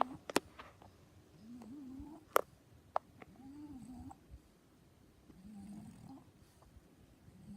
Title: Cutest French snores🐶🐶🐶